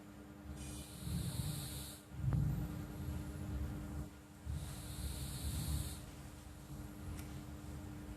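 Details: Sleeping pet cat snoring: soft rough hissing breaths on both inhalation and exhalation over steady room hum.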